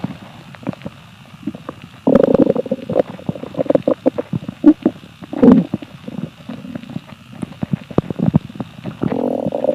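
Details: Hungry empty stomach: low gurgling rumbles and squelches, ordinary hunger-related bowel sounds (borborygmi).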